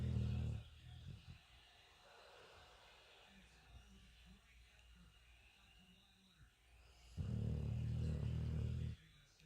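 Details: Sleeping Aussiedor dog with two low, rumbling snores, one at the start and one near the end, with quiet breathing between; snoring likened to an old man's.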